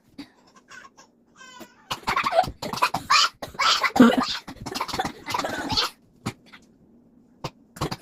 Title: me and my homie coughing, and then we drink salt water, and we cough even more